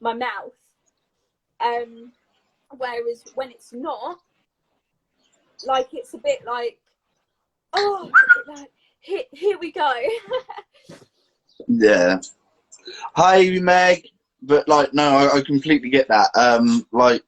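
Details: Adult woman with a stammer since age three, a neurological speech impediment involving blocks and repetitions, speaking in a live conversation; stammering (stuttering).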